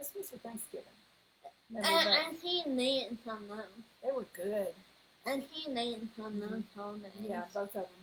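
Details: Speech disorder in a 21-year-old woman, found on neuropsychological evaluation alongside level 2 autism, anxiety and a needle phobia.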